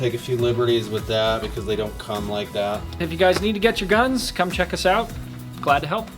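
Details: Adult male speaker; normal speech.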